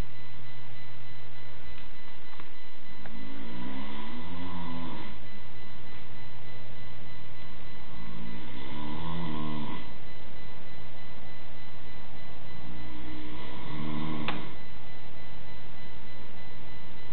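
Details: An adult man (a dad) snores during sleep, with three loud, rattling snores on inhalation about five seconds apart over a steady low hum: heavy snoring.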